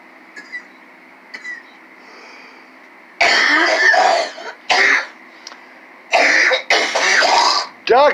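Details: Cough.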